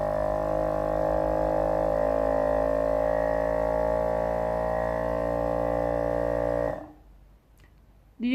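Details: Suction unit self-test.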